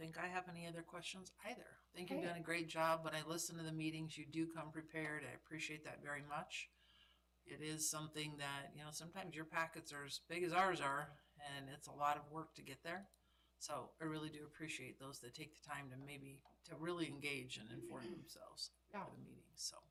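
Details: Adult speaker; ordinary speech.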